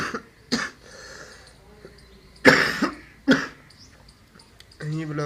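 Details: Several short, harsh, dry-sounding cough bursts with throat clearing and a brief voiced sound at the end, recorded indoors in a room; ongoing coughing.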